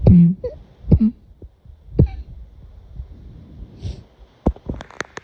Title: More midnight coughing ￼